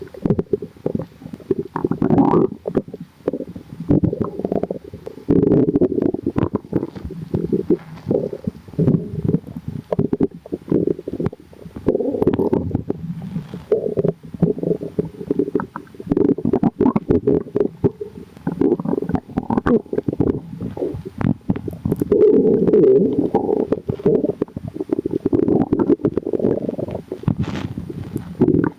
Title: bubbly🫧 | stomach growling